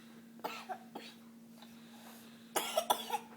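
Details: A child gives two short separate coughs, then a quick burst of three or four coughs, over a steady background hum; a plain cough.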